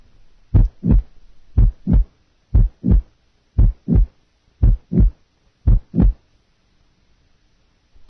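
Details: Simulated late systolic murmur, heart beating 60 times per minute, murmur added late in systole just before the second sound; nursing heart-sound assessment teaching recording.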